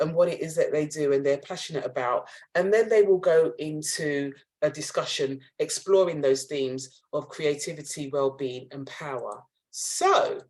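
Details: Adult speaker; ordinary speech.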